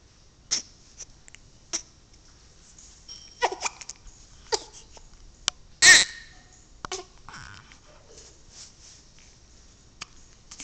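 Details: Hiccups: brief, sharp, irregularly spaced catches in a quiet room with one louder burst midway.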